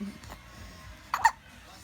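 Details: Two quick, sharp hiccups close together against quiet room noise; hiccups.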